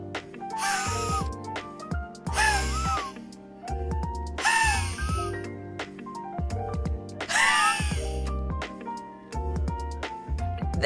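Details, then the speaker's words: A streamer imitates wheezing as a throat-clearing technique she was told is gentler: four breathy, wheeze-like forced exhalations over loud background music. "oh they told me if i want to clear my throat it shouldn't be should be like i'm wheezing apparently that helps with clearing my throat"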